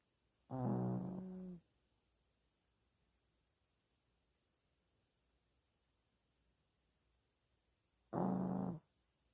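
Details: Snoring: a sleeping dog snoring heavily, with two long, low, rattling snores several seconds apart and quiet in between; the owner describes a sleepless night because of it.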